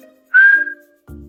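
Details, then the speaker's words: Single steady whistled tone made through pursed lips by a critical care nurse, imitating a wheeze (sibilance) from narrowed bronchi as heard on ICU lung auscultation; simulated, not a patient. "Porque cuando yo junto los labios, disminuyo el diámetro y hago un paso, un flujo de aire sobre este diámetro tan pequeño, voy a tener una sibilancia."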